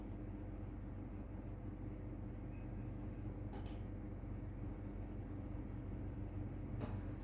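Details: A dull, muffled low rumble with faint clicks and no crisp high sounds, simulating sensorineural hearing loss.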